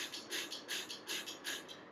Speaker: the common mistakes that people do are not shaking the inhaler well not taking slow deep breaths but taking rapid shallow breaths so some kids take breath like